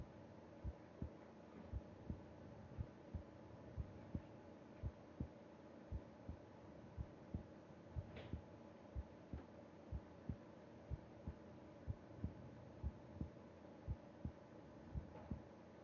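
Soft, steady low thumps of a resting heartbeat, about 70 a minute, with faint background hum; normal heart sounds.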